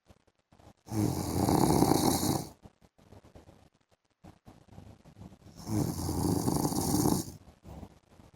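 Two long, harsh rattling snores on the in-breath, with quieter breathing between them. Snoring during sleep.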